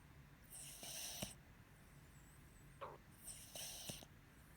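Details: Sleeping dog snoring while the owner tries to wake it: two noisy, hissing snoring breaths with a soft snort between them; ordinary snoring.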